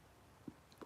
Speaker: There I go with the hiccups again.